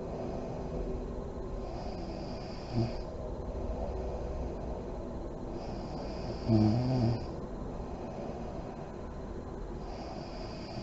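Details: Sleeping mother in deep REM sleep, lights on: quiet, steady breathing with a few soft low snorts and puffing exhalations over about eleven seconds; mild snoring.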